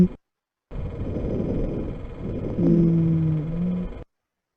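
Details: Simulated chest sounds of an asthma patient in an auscultation teaching session: low breath noise, then a sustained musical, whistling tone partway through the breath. Wheezes of asthma.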